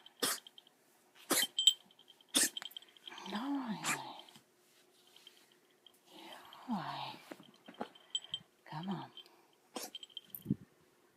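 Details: Dog, Olivia, after tracheal stent placement gives repeated sharp, harsh coughs with throaty, honking sounds between them; post-stent cough.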